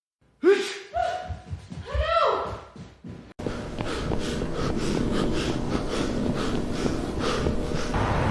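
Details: AI-generated animated character: a few sharp, voiced in-gasps build up, followed by a sustained noisy sneeze burst; gasping before a sneeze.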